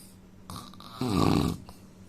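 A single loud, rough inhaled snore with a brief snort at the start; snoring.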